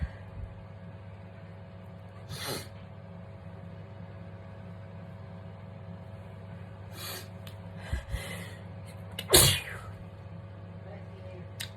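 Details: Sneezing during a skincare routine: several sharp, breathy sneezes over a steady background hum, the last one loudest.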